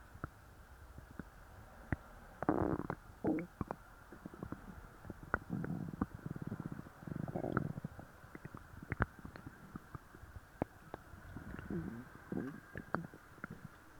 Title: Laxative stomach growls